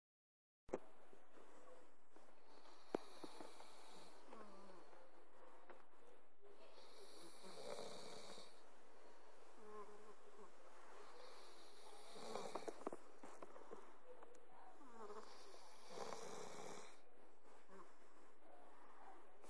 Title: Soooo funny..snore off